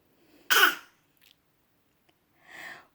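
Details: An 8-month-old baby boy in the early morning gives one short, light, deliberately fake cough to get his mother's attention, followed by a soft breathy sound, not from illness.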